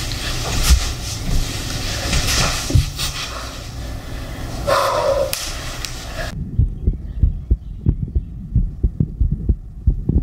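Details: Steady low thumps of a quick normal heartbeat after exercise, with rustling and soft breathy noise, recorded for ASMR.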